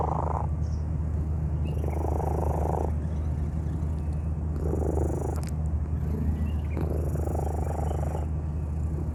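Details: Sick stray cat found in a park, calm and unwell: steady low rumbling with a noisy rasping sound on each breath, about 14 breaths a minute; abnormal, congested-sounding breathing.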